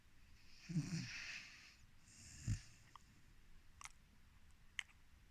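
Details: 4-month-old Rhodesian Ridgeback puppy snoring in sleep: two slow, noisy breaths with a low rumbling snort in a quiet room.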